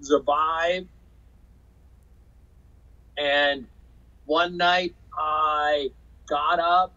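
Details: Aphasia in an adult man after a 2005 stroke caused by hereditary hemorrhagic telangiectasia (HHT); he says he had or still has aphasia and was told he would never talk again.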